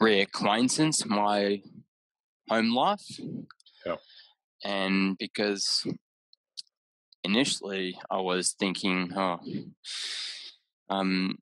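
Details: Aphasia in an adult man about six years after a haemorrhagic stroke caused by an AVM at age 34, with right-sided deficits, word-finding difficulty and mixing up of similar objects.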